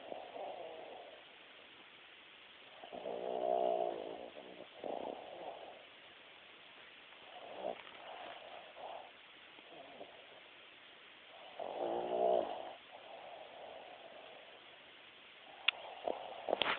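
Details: Snoring: soft, irregular, rattly breath noises recur every few seconds over background hiss.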